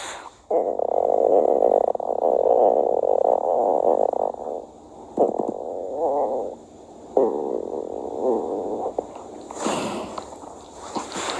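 Long gurgling, croaking rumbles with bubbly breaks, typical of stomach growling from gas and fluid moving through the gut.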